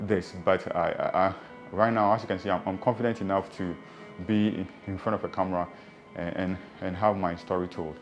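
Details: Adult who stammers and has had speech therapy sessions, now confident in front of a camera; real speech; stammering.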